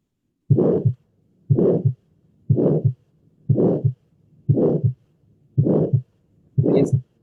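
A regular rhythm of about 60 beats a minute, each beat carrying a loud, harsh whooshing sound between the heart thumps. This is the harsh systolic ejection murmur of tetralogy of Fallot. Blood is forced through a narrowed pulmonary outflow, alongside a ventricular septal defect.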